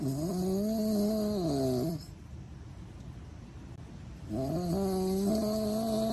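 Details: Two long, loud, tonal snores with a quiet pause between them; rattling, pitched snoring during sleep.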